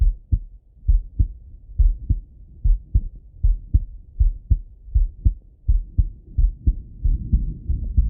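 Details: Adult male's own heart auscultated with a stethoscope: steady paired lub-dub sounds about 75 beats a minute, regular rhythm; normal heart sounds.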